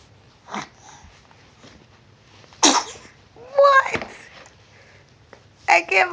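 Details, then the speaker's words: Sneezes in a 10-week-1-day-old baby girl: a few small, sharp infant sneezes with soft fussing sounds between them against quiet room noise; parent asks if she has a booger. "what's with the sneezes do you have a boogie yeah boogie let me see"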